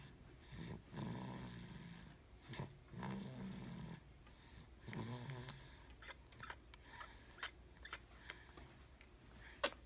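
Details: Low rumbling snores on about three breaths in ten seconds, with faint clicks and small noises in between; snoring.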